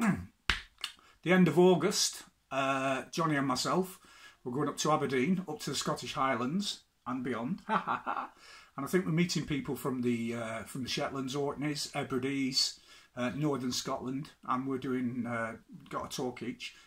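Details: Adult man with Tourette syndrome, interjected vocal tics such as "whoo hey" during speech; Tourette syndrome vocal tics.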